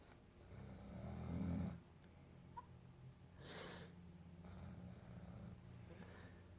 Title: Snoring Mom